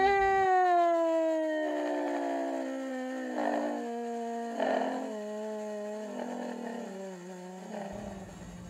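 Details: Vocal fold paresis: voice clear at high pitch, with extreme breathy air leak at the lowest pitch, and diplophonia, consistent with vocal fold paresis.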